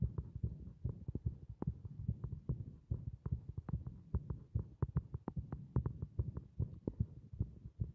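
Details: Heartbeat from a heart working against compression: rapid, somewhat uneven thumping, roughly 70–75 beats a minute counted as paired sounds, with a low hum behind.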